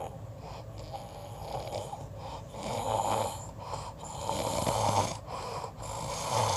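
Rough, rattling breath noises rising and falling in rough cycles over noisy background; snoring from vibration of the upper airway during sleep.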